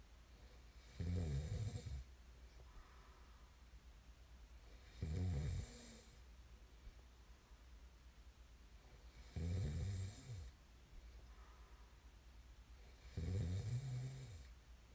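Four deep, rattling snores about every four seconds, roughly 15 breaths a minute, with soft breathing between: snoring during sleep.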